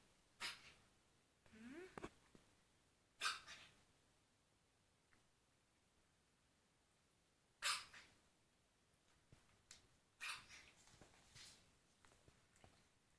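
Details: Dog coughing again: several short, sharp expiratory bursts, spaced irregularly with quiet between them.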